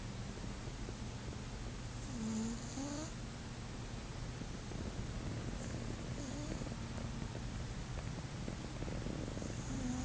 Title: My cat snoring